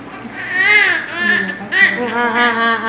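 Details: Newborn after normal vaginal delivery, just given vitamin K and hepatitis B vaccine: loud, rising and falling cry in repeated bursts with brief catches of breath between them. Newborn cry.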